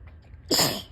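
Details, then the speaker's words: Brief quiet breathy tickly build-up then a single big sharp hissing sneeze on a day of heavy allergy symptoms. "Oh, I started the video because I felt like I was about to start sneezing. Oh, whoa, that was big. Today has been a crazy allergy day."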